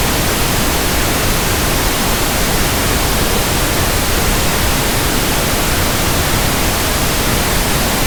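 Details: Simulated tinnitus: steady, even static pink-noise hiss with a soft, deeper rushing quality, unchanging throughout, for tinnitus sound matching and comparison.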